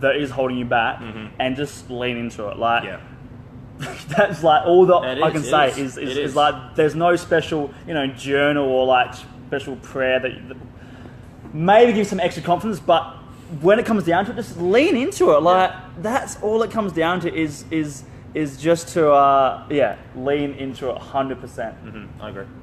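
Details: Adult male with stuttering including blocks; he left school around age 16 because of his speech.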